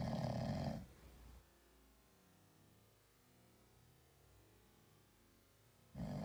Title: Sleeping cat snoring like a human. 2